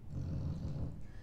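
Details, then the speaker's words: Dog snoring loudly while asleep in background: low, rough, rumbling sound throughout; snoring. "¿Y el ronquido de fondo? No sé si se escucha, pero Y pegó un sí, hay que ronquido dormir tremendo."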